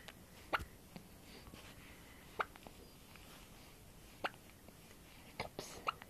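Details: Ordinary hiccups in a 4-month-old baby girl: short sharp gulping hiccups roughly every two seconds, some in quick pairs.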